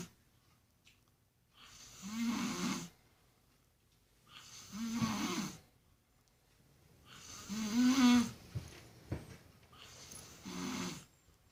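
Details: Four rattling, throaty snores from a baboon at a slow, uneven pace, about 20 a minute, in a quiet room. Snoring.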